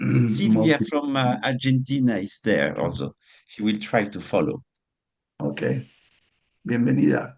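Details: Adult man speaking; normal speech.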